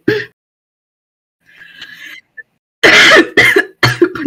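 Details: Young female smoker with constant heavy throat clearing and deep barking coughing fits; a short clearing sound then three harsh, rough coughs in quick succession; severe barking smoker's cough.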